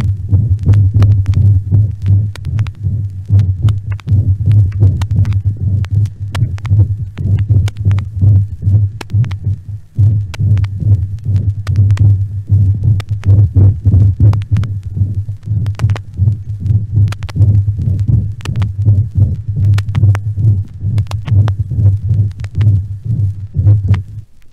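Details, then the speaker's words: Vintage teaching-record recording at the aortic area: a harsh, rasping systolic murmur of aortic valve stenosis with irregular beats from complete arrhythmia (atrial fibrillation) and an absent second heart sound. Aortic stenosis murmur with atrial fibrillation. "il s'agit d'un rétrécissement de l'orifice aortique notez l'absence du deuxième bruit habituelle dans cette lésion est évidente ici par contre l'arythmie complète surjoutée est inhabituelle"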